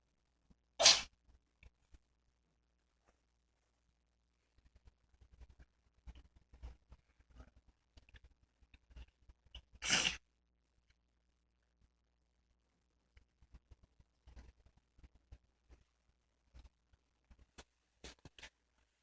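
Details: A 13-year-old senile cat having a recurring sneezing fit: two sharp, hissing sneezes about nine seconds apart, with faint sniffs and clicks between them.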